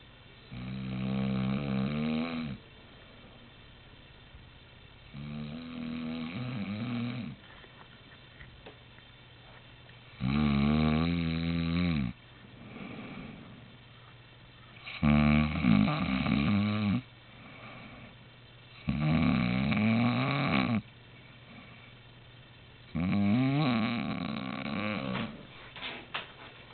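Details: An adult man (a father) snoring loudly in his sleep: rattling snores about every four seconds with quiet exhalations between; snoring.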